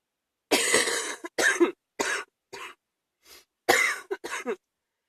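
Adult coughing in a run of harsh, forceful bursts during a chest cold.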